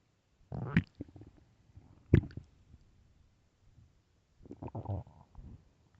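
Three loud, low gurgling stomach growls separated by quiet gaps: ordinary bowel rumbling, normal.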